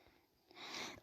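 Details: Person who says they are ill with a sore, hoarse throat, coughing: a single harsh, breathy cough burst about half a second long, with faint room noise before it.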